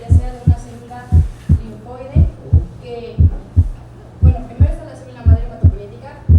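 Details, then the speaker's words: Heartbeat near 58/min heard beside the sternum, first sound in two close parts with a softer first component and a sharper, louder second; normal split first heart sound. "Este junto al esternón, el desdoblamiento consiste en un primer componente menos intenso, seguido de un segundo componente algo más agudo y de mayor intensidad."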